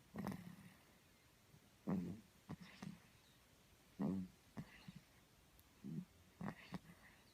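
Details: Snoring during sleep: irregular low snorting and grunting noises, about 28 a minute.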